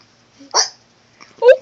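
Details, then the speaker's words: Baby with hiccups: two brief, abrupt hiccup sounds about a second apart in a quiet room. "hiccups somebody have hiccups yeah somebody has hiccups"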